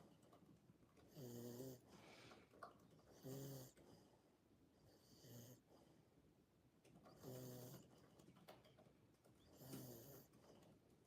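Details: Pet dog asleep in a room snoring throughout: rhythmic voiced snores with a rattling buzz on each breath, about 27 a minute, over quiet room noise; snoring.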